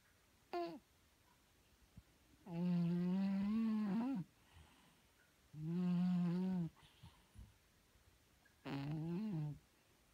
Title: Paris my cat snoring